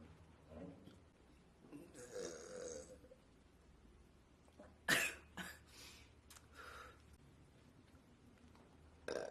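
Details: Woman burping: several low gurgling burps with sharper bursts in between, over quiet room noise.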